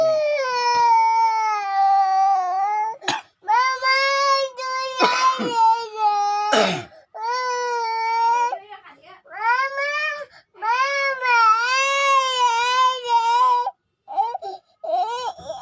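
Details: Sustained high-pitched wailing cries in long bursts with brief breaths between, child crying at the end of a clip of playing with a black cat.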